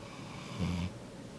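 A single brief, low, rumbling snore in a sleeping dog, set against quiet room noise.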